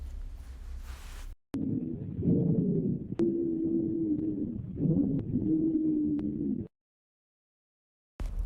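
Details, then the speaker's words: Wheezes on lung auscultation, demonstrated by a physiotherapist: musical, high-pitched whistling tones through the breath sounds, indicating airway obstruction as in asthma or bronchitis. "e agora vamos ouvir os sibilos que são são os Agudos que indicam a obstrução como no caso da asma ou bronquite"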